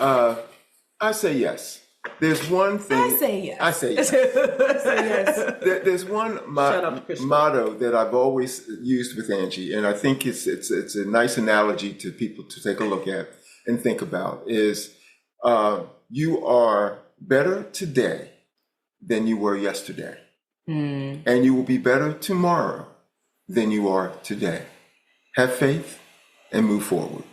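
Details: Adult male speaker; speech.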